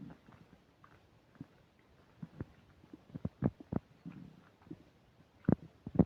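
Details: Upset digestion while eating a burger and fish fries, recorded with a microphone: irregular bursts of gurgling and popping from the belly, some loud, between quieter stretches; active bowel sounds (borborygmi), stomach rumbling.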